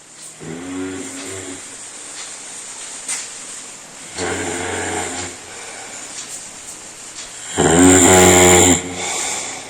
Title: World's LOUDEST HUMAN SNORING SOUND